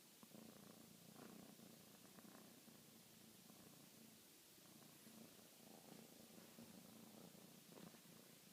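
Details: Cat snoring: a steady, low rattling rumble that rises and falls with each breath and closely resembles purring.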